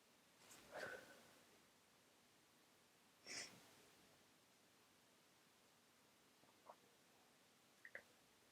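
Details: Person with a very runny nose who can't stop sneezing: two sharp sneezes in a quiet room followed by faint sniffs.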